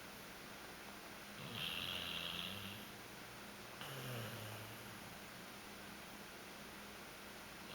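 Two low, rumbling snoring breaths over steady room hiss; ordinary snoring in a sleeping pet.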